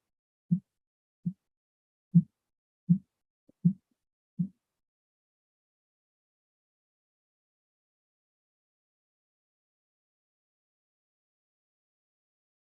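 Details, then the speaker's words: Simulated blood pressure reading: six soft, regular thumps at about 75 a minute, then silence, then a brief noise; Korotkoff sounds. "you always go 30 above where it stops okay and that's a safe level to go above you don't want to go 50 above you don't want to go 100 above that's way too high it could be dangerous for your patient"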